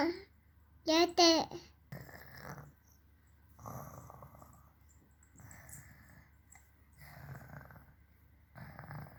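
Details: Baby imitating her father's snoring: a squeal, then repeated soft raspy throaty breaths mimicking snores; imitated, not real snoring.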